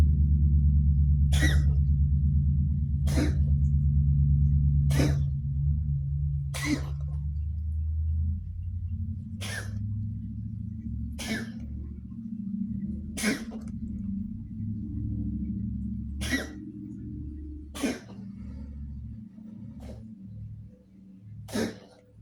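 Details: A cat coughing, filmed to show the vet; the owner suspects asthma. About eleven short, sharp, dry coughs spaced roughly two seconds apart.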